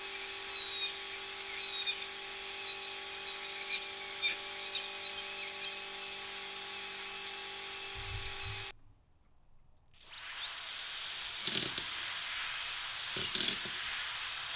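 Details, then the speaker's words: High-pitched whine of a dental surgical drill with a round bur, stopping and restarting with pitch changes under load, removing bone to about a third of root height and sectioning a two-rooted tooth on a surgical extraction simulator. "Probably aiming to remove bone over around about a third of the height of the tooth root to begin with. If you're concerned about your fingers being too close to the drill, then you can use forceps just to keep that flap retracted."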